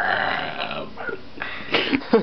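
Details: Burping: a long, rumbling voluntary adult burp followed by brief throaty sounds.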